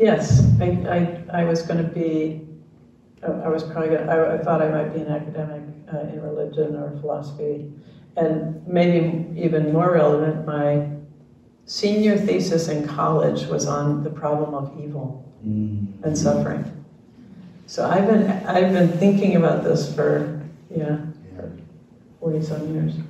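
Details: Adult speaker; normal conversational speech.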